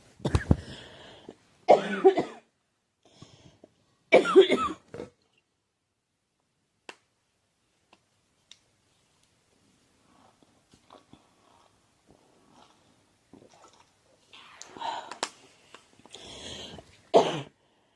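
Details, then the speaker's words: Woman's coughing fit: repeated harsh coughs in two clusters separated by a quiet pause, starting while plugging in her phone. "I was plugging in my phone and this coughing fit started oh I need a drink"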